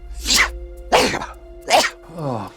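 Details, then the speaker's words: Daily sneeze attack after lying on the floor and rubbing the nose with a hand: three forceful sneezes in quick succession, then a drawn-out groan; the sneezer says so much sneezing makes him hot and sweaty. Sneezing fit. "Oh Here we go. Our daily sneeze attack. Never lay on the floor and then rub your nose with your hand."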